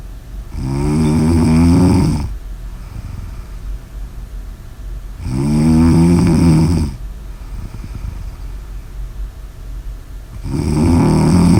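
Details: Deep, loud, buzzing snores on each in-breath, about 12 breaths a minute, over a steady background hum; ordinary snoring.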